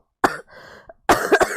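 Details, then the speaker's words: Cough from a girl with a cold who says she is coughing a lot: a sharp cough, breathy follow-through, then a burst of two or three quick coughs. "제 가 지금 감기 에 걸려서 기침 을 많이 해 요 . 양해 부탁 드립니다 ."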